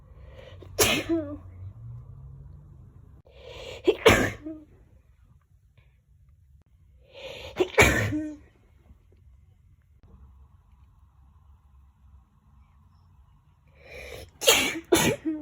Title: Sneezing